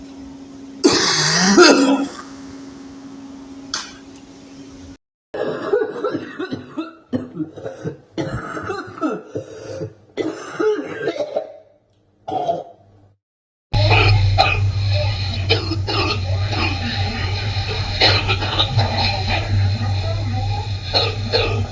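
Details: Compilation of several separate recordings of an adult, likely male, coughing and clearing the throat with a loose, phlegmy quality: wet cough.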